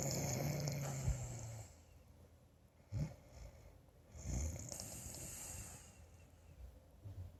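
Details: A husband snoring in his sleep: low, rough rumbling breaths, one long at the start and shorter ones after, over steady room noise.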